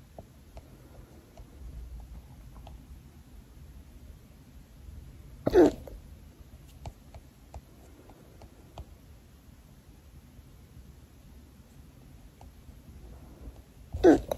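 Two sharp, brief hiccups about nine seconds apart in a quiet room.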